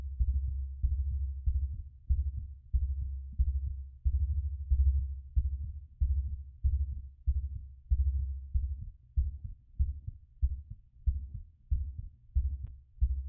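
Strong, regular low thumps of the heartbeat at about 94 beats a minute, each a closely paired lub-dub. This is a normal heart recovering after exercise, still beating somewhat fast as it settles back toward resting rate.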